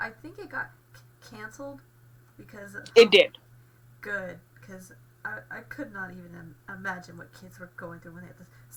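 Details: Male with a stutter acquired after a car accident with a two-day hospital stay, alongside aphasia from a post-traumatic concussion, treated with speech therapy; stuttering.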